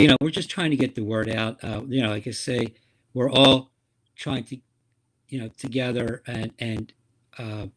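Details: Woman with aphasia after a stroke, a member of an aphasia support group; word errors are heard; aphasia.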